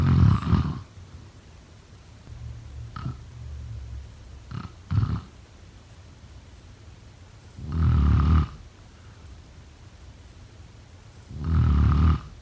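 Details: Deep, rumbling snores during sleep, repeating about every three to four seconds in a quiet room: snoring.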